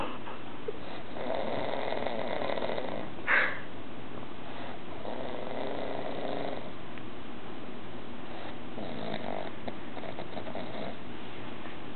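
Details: Heavy snoring: low, rough, rattling snores repeating about every four seconds over quiet room noise.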